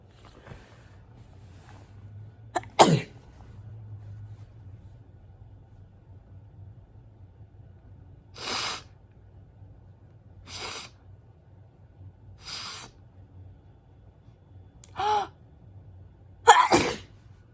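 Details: About six short sneezes over seventeen seconds, several hissing and some sharper, against a low steady room hum; repeated sneezing.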